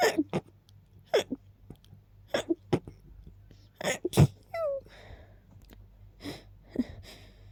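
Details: Rapid sneezing after smelling lilies and keeping them nearby: a series of sneezes, several with brief gasping build-ups before the burst.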